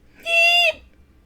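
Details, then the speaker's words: Single brief high-pitched squeak-like vocal sound from a person with a tic that varies in pitch, volume and length and comes in fits; someone speculated a stress tic; vocal tic. "I could go a couple of days without having it and then all of a sudden I'll have a huge fit someone speculated maybe it was a stress tick I don't know"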